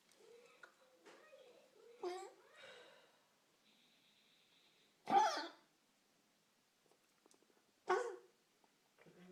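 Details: Three separate harsh, forceful coughs from a dog, a few seconds apart, with soft snuffling and faint room sounds between them; coughing.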